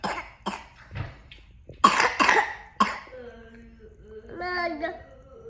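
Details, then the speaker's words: Young child coughs on purpose because he likes the sweet cough medicine: several short, deliberate voluntary coughs followed by a brief spoken reply. "तिमीलाई नि के भन्छ रे औषधि खान मन दबाई खान मन लाग्यो भने तिमीले खोक्छौ के जबर्जस्ती हो"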